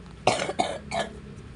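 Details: An adult with a cough is being given a smoke treatment (pausok) in a small room; three short, moist-sounding cough bursts in close succession.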